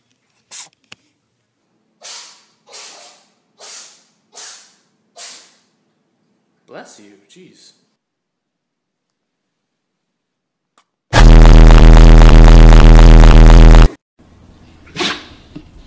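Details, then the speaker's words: Cat prompted to sneeze again: a run of five short, sharp nasal sneezes in quick succession, followed by a loud burst of noise; cat sneezing. "Sneeze again. Sneeze one more time. Bless you."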